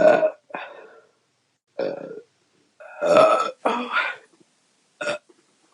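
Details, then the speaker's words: Woman feeling bloated after drinking a lot of beer: about six separate belches, some short and some drawn out, with silence between them, bringing relief of pressure; burping. "Just a bunch of smaller ones. Oh my God, it feels so much better. All those little burps, I thought, oh my God, am I not going to have a big burp?"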